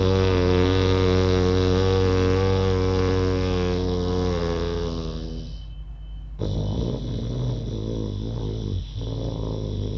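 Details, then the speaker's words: Deep, rattling snore-like throat sound made deliberately on both breathing in and out through the nose with the tongue folded back, a yoga breathing exercise for snoring, not true snoring. "देखा आपने, सांस लेते हुए भी वो आवाज़ थी, सांस छोड़ते हुए भी थी, लेकिन हर बार हम नाक से ही सांस ले रहे और छोड़ रहे थे।"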